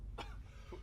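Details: A coughing fit on a film set: one sharp cough and a fainter second burst over a low background rumble.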